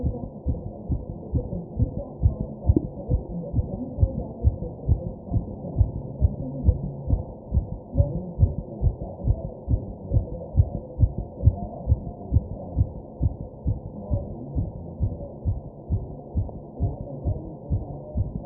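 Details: Person's own fast heartbeat while taking deep breaths: fast, regular heartbeat at roughly 136 beats a minute with low background rumble; tachycardia.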